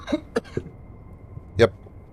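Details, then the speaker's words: Adult getting over a flu, with sniffles and a bit of a cough, coughs while talking; cough. "I've got a little bit of the sniffles and a bit of a cough"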